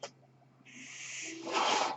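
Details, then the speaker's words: The speaker's own mechanical ventilator sounds as he closes a podcast: a steady low mechanical hum, then a rising airy hiss swelling to a loud rush as a breath is delivered; mechanical ventilator breath cycle. "My name is. That noise you hear is my ventilator. And thank you for tuning in to Page Turners They Were Not, my Star Wars podcast."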